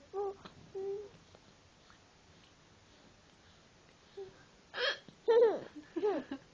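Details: Short, sharp hiccup-like bursts, then a baby giggling and babbling as it laughs on hearing the hiccups.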